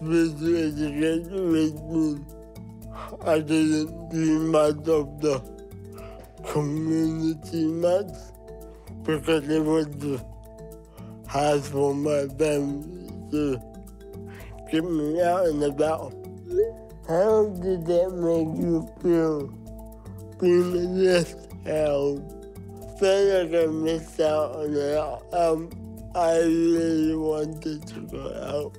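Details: Dysarthria from cerebral palsy in a 23-year-old Samoan man, who says parts of his brain don't work well so his words come out this way.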